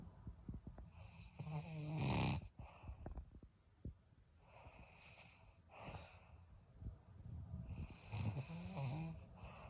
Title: HORRIBLE SNORING!!!